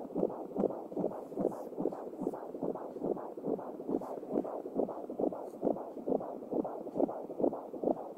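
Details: Rapid, regular whooshing fetal heartbeat, about 136 beats a minute, heard with a handheld Angelsound Doppler.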